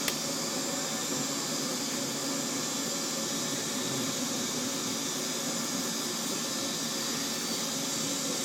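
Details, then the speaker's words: Denture tooth repair on a broken-off tooth: a dental lab handpiece with a fissure bur gives a steady high whine and hiss while cutting retention grooves into the denture acrylic on both sides. "all I'm going to use a Fisher bur cut some retention grooves on both sides of the acrylic like I talked about"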